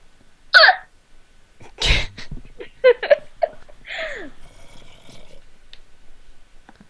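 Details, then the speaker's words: Repeated hiccups, several short abrupt gulping sounds with sharp catches of breath, from a person talking while playing a video game who jokes the hiccups are giving an ab workout. "yeah I'm getting an ab workout from this you know hiccups a hiccup ab workout"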